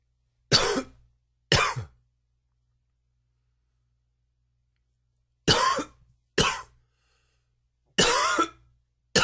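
Five or six sharp, harsh cough bursts in clusters separated by silence; a coughing fit.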